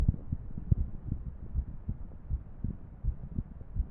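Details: Heart sounds of a female with an irregular rhythm: low thumps about 80 a minute with uneven spacing between beats, presented with a 3D heart model animation.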